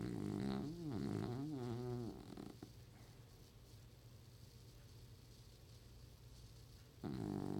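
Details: Loud, vibrating, rattling snores from an old man asleep, with quiet breathing between them: snoring.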